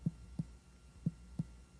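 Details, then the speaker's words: In a nursing head-to-toe assessment of a male patient, the stomach is percussed over the left upper quadrant. Three short, hollow taps give the expected normal tympanic percussion note. "Now assess the stomach by percussing over the left upper quadrant. Percussion here should produce tympany."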